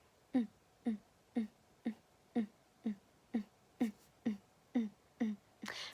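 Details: Young woman with Tourette syndrome imitating her childhood tic noise, present from about age four or five and worse when tired, sick or anxious; simple vocal tic (Tourette syndrome), imitated.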